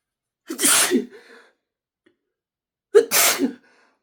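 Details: Sneezes deliberately induced by poking deep in the nose (bobby pin/twist tie), attempting to stay quiet: two forceful sneezes, each a sharp intake then explosive burst through nose and mouth.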